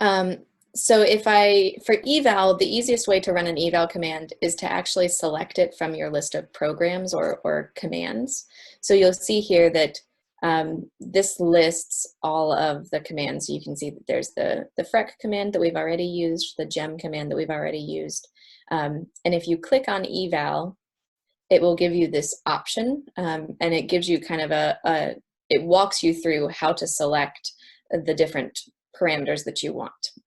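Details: Adult woman speaking; normal speech.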